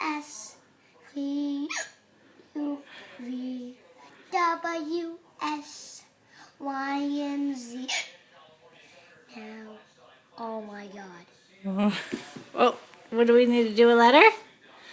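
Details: Young boy singing the alphabet, his sung phrases broken by sharp hiccup catches that make him start over; hiccups.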